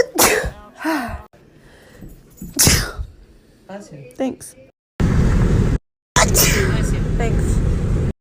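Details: Natural allergy sneezes: two forceful, explosive sneezes with sharp intakes before them, then bursts of loud wind or handling noise; allergic sneezing.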